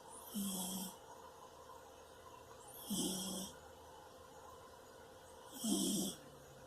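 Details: Soft, regular snores about 23 a minute, each breath a short hum with a faint whistling hiss, from a sleeping cat lying on a bed.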